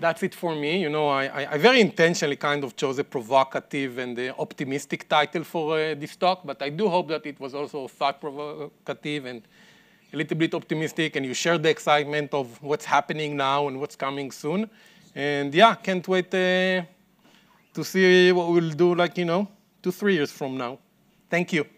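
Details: Adult male speaker; plain speech.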